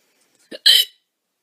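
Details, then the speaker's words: A single loud, abrupt hiccup from a young woman: a brief catch followed by a sharp, high, breathy squeak, then silence. "But the hiccups. God."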